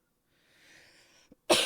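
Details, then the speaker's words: Single cough during a live stream: a soft breath in, then one loud, harsh cough burst cut off at the end of the clip. "every single time with the coughing you didn't even get to hear the name of the glass moose"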